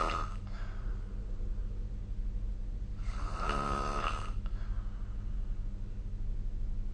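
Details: Snoring recorded with the SnoreLab app: one low, vibrating snore on a breath in, with a fainter one before it, over steady room hum.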